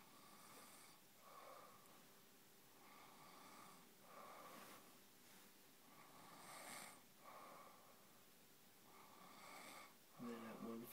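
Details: Person passed out asleep in an awkward position: irregular, raspy, noisy snorting snores at about 10 a minute, brief voice near the end.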